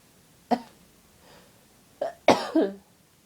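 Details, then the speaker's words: Person with a cold having loud, uncontrollable sneezing fits in bed: several sharp explosive sneezes in quick succession with short intakes between; repeated sneezing. "Oh, bless me. Oh God, I'm gonna sneeze again. I feel it building."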